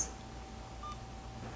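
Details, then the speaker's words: A single short key-press beep from an infusion pump while a nurse retitrates a dobutamine continuous infusion from 7 to 10 micrograms/kg/min in a nursing demonstration. "so let's plug it into the machine so again you can just go to channel select and change the"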